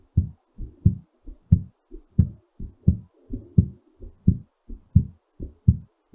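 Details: Low, fairly quick paired heart thumps at about 88 a minute; a heartbeat slowing down after exercise.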